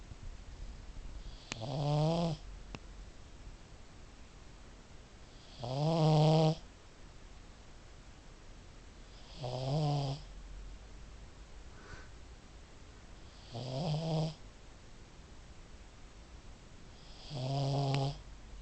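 Five loud, rattling snores about 15 a minute, each on the in-breath, with quiet pauses between; typical flat-faced dog snoring.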